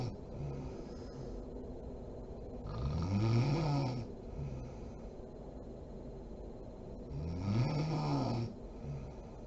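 Two low, rattling snores on breathing in, about 14 a minute, with quiet breathing between them. Ordinary snoring.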